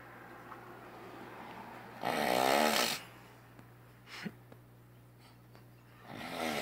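One loud rough fluttering breath-in snore lasting about a second, then quiet, with a second snore beginning at the end; steady low room hum.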